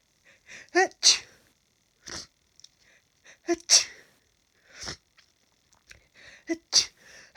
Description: I haven’t had much hayfever at all this year but after cutting the grass today - I can’t seem to stop sneezing and now I’m so congested.